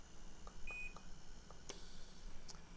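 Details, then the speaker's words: Short electronic beeps from the control panel of an Inogen portable oxygen concentrator, the higher-flow model going up to setting six, as the plus button raises the flow setting, in a quiet room. "a nice control panel on the front and you can change the setting very simple by hitting the plus sign"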